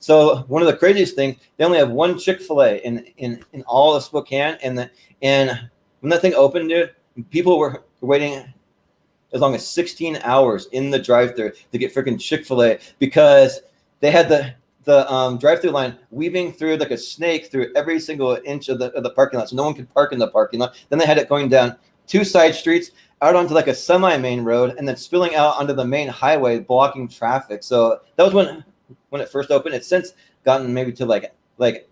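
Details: Stuttering present since birth in an adult male, more noticeable when talking fast.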